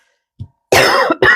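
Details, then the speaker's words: Cough from an adult who says she is still coughing: two harsh, partly voiced cough bursts in quick succession, preceded by a faint throat sound. "pardon, je tousse encore et tout."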